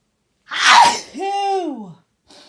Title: loud sneezing 1